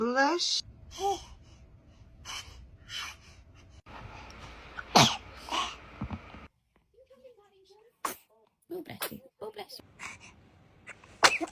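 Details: Baby or toddler sneezing repeatedly: several short sharp sneezes from a small child, with soft voices saying "bless you" and room noise between them.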